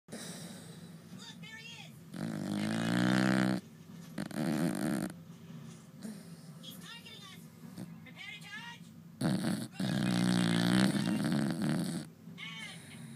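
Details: Sleeping Staffordshire bull terrier (female, "Lady") snoring: loud, rough, rattling breaths in long bursts with quieter pauses between; snoring.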